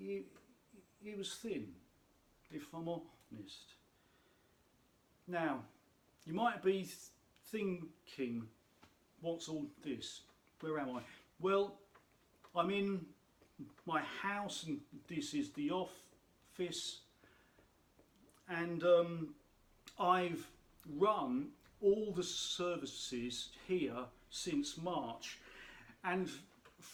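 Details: Adult speaker who states he has a stammer; stuttering.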